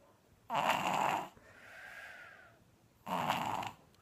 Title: Funny snoring baby